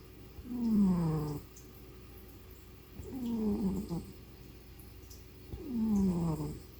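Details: Tired cat resting at home, snoring like a human: three slow, rough, rattling breaths with falling pitch, about 23 a minute, in a quiet room; snoring in sleep.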